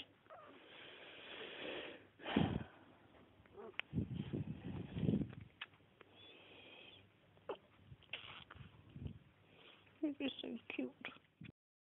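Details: A kitten with sneezes, making noisy, snuffly breaths with a few short sneeze-like bursts.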